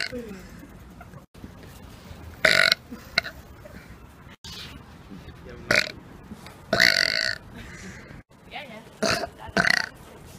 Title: Burping In Public Prank (Gone Wrong)